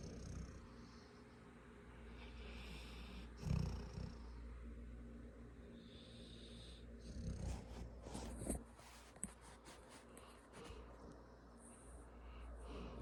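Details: Light snoring from 7-month-old animal sleeping on a 7-year-old: soft rapid low snuffling breaths with a few louder snorts against steady room hum.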